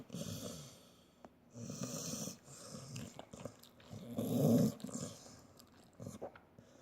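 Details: Loud, rough, rattling snores on each breath with one especially heavy snort from an old dog asleep, snoring worse with age.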